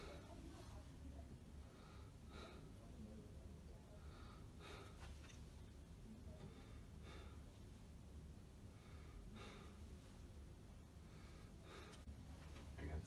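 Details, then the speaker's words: Normal breath sounds on chest auscultation during a simulated student respiratory examination of a volunteer, who is asked to breathe deeply in and out through the mouth with arms crossed in front to move the scapulae aside; vital signs normal. "please continue to breathe deeply in and out through your mouth while I'm busy"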